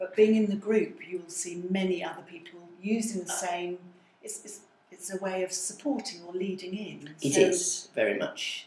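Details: Adult woman speaking; typical speech.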